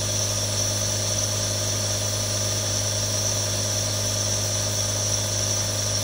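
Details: Steady, unbroken motor hum with a low buzzing tone and constant airy hiss of a compressor nebulizer running, one of three real nebulizers recorded for relaxation.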